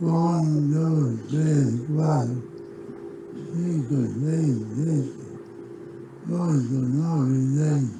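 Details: Patient with global muscle weakness counting 1 to 10; asthenic voice with hypernasality and pasty voice, and the weakness also affects articulation.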